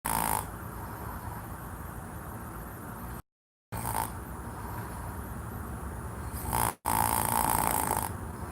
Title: Even his snoring sounds delusional...